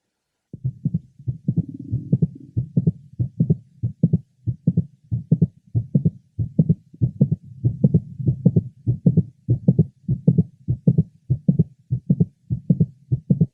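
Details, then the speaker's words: Mitral valve prolapse heard at the apex of a 23-year-old woman: a prominent mid-systolic click, with a slightly accentuated but normal first heart sound and a normal second heart sound. "are listening at the Apex of a 23 yearold woman note that there is a prominent mid systolic click which is typical of mitro valve prolapse"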